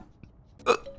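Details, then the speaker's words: A single abrupt, voiced gulping 'hic' in a quiet room during a run of persistent hiccups; hiccup. "Guys, how do I get rid of hiccups? Oh god. Oh god. Oh god."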